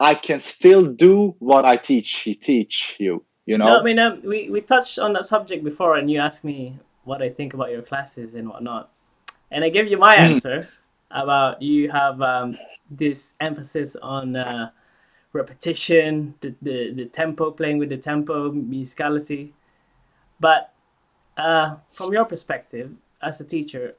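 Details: Adult speaker; typical speech.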